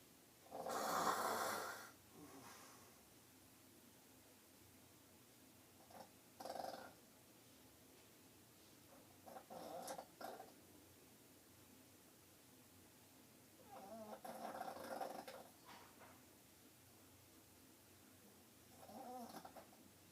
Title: Funniest snoring